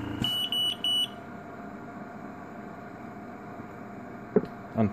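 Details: Respironics EverGo portable, aircraft-approved oxygen concentrator, found faulty with low oxygen output, being switched off: a short burst of high electronic beeps, then quiet hum and handling noise.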